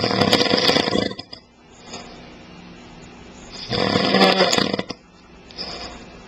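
Loud, harsh, rattling snores on breathing in, two in about six seconds with quieter breathing between: heavy snoring.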